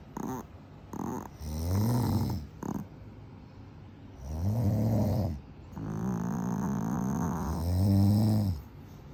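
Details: Yorkie dog snoring loudly during sleep after a rough day: irregular, rattling nasal snorts about 19 a minute.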